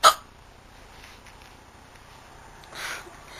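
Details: Brunette girl with hiccups she says have lasted a while, making her sore, with her throat sometimes hurting; one sharp, abrupt hiccup followed by a quiet room and a soft breath.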